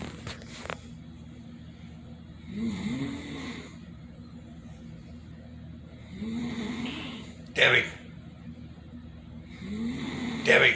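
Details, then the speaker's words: Sister snoring on vacation after taking a muscle relaxer: repeated rough, rattling snores with each breath, about 20 breaths a minute, over faint room hum; likened to a busted chainsaw. "She took a muscle relaxer. She's out like a light. We have some movement. Are you awake? I am. She sounds like a busted chainsaw."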